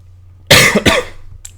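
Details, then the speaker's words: Ill adult with an affected voice: two quick, harsh cough bursts in a quiet room with a faint low hum behind. "again sorry for my voice sorry for uh any coughing um that will occur I promise you will occur"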